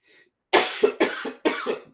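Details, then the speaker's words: Repeated harsh, rough coughing in an adult who says he is down with a virus, with a cough that came back once he started talking after a night without coughing; croupy cough with a viral illness. "And then you got to cough again. You got to croup again"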